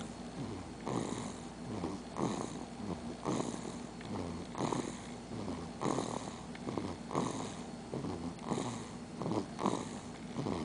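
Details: Snoring during sleep.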